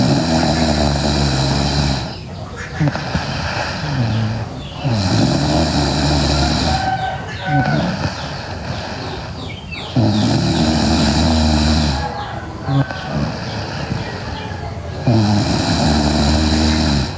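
Loud, rough, low-pitched snores on each breath in, about 12 breaths a minute, with quieter breathing out between them: heavy snoring.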